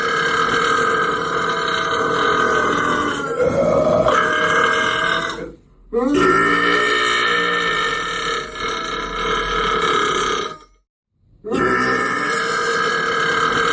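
Long, loud, drawn-out voiced belches, three in a row separated by brief pauses, typical of deliberate burping.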